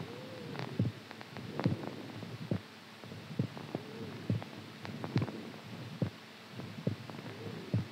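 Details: Soft, steady low thumps at about 70 a minute under a background hum; normal resting heartbeat, described as strong during sleep.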